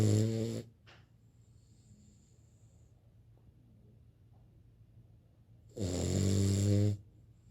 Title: Cavalier King Charles snoring. Turn up the volume